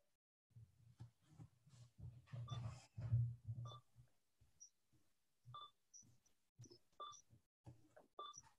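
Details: Key selection sounds from a Liberator Accent AAC device used by a man with Word Strategy vocabulary, building spontaneous utterances during a conversation about his metallic grey car.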